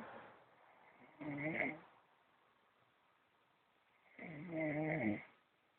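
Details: Person asleep in a dark room, snoring with two pitched, rattling snores on in-breaths about three seconds apart (roughly 20 breaths a minute).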